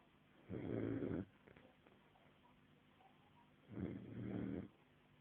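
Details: 5-month-old sleeping, snoring: two low, rumbling breath sounds, each under a second, with quiet gaps between.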